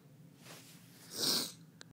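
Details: Single loud, hissing sneeze after a brief indrawn breath, in a quiet room during a spoken monologue stream.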